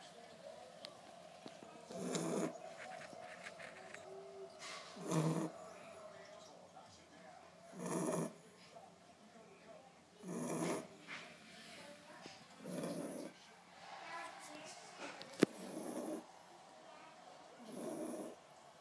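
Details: Puppy asleep in an odd position, snoring softly and regularly about 22 times a minute over quiet room noise.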